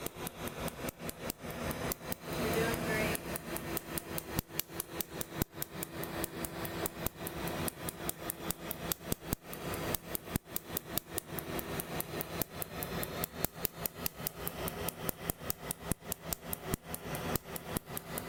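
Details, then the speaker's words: Second laser tattoo removal session on a woman's central chest tattoo, over 14 years old; numbing was poor and laser frequency was raised from the first session. Rapid sharp snapping pulses, about two per second, over a low fan hum. "Fair warning, this segment is seven very long and painful minutes primarily of laser."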